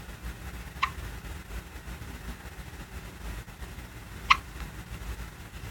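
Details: Man with hiccups: two sharp, brief hiccups about three and a half seconds apart over steady engine-like background noise.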